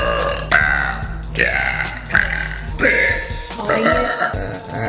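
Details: Girl deliberately trying to do deep burps: a run of loud, long, voiced belches over background music; repeated burping.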